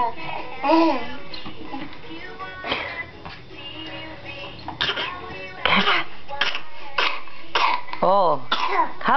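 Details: A standing child forces out a string of short, deliberate fake coughs between bits of voice, with background music: voluntary cough.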